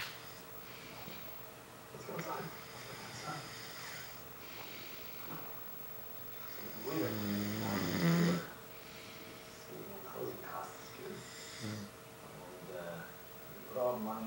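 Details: Man who says he doesn't snore, napping while watching TV: low buzzing snores over a soft room hum, with one louder snorting snore partway through; snoring.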